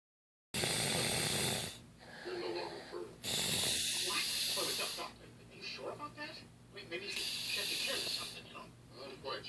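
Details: A sleeping man with his tongue sticking out makes harsh, hissing, snorting breaths that come and go irregularly, about 18 a minute: noisy snoring.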